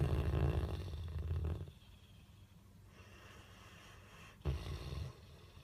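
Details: 4-year-old Bullmastiff dog snoring during a good sleep.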